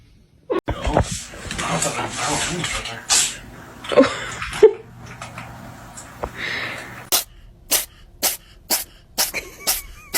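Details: Compilation of cat sneezes: a series of about seven short, sharp, snorting sneezes, with rustling and voices in the background.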